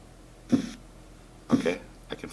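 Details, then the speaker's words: Blood pressure simulator while cuff pressure is lowered: faint simulated tapping beats about once a second, Korotkoff phase I, onset of systolic pressure at 120, before an auscultatory gap. "the pulse I can hear the car - coffee one song and that occurred at 120"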